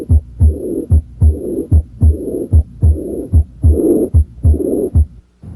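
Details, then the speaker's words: Teaching example of what this murmur would sound like: diaphragm at the left second interspace and down the left sternal border to the apex, breath held after full exhalation; heartbeat near 74 a minute with a high-pitched, soft blowing diastolic murmur: aortic regurgitation. "listen for the high-pitched diastolic murmur of aortic regurgitation if the patient had this murmur it would sound like this"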